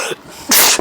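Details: A quick intake of breath then one sharp, forceful sneeze from a female, induced using paper; induced sneeze.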